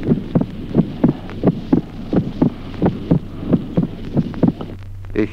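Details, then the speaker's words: Teaching recording, split second heart sound: regular heartbeat near 87 per minute, with the second sound divided into two close, separate components. "ejemplo démo desdoblamiento del segundo ruido cardíaco solo durante se verifica la distribución del segundo ruido en dos componentes sonoros"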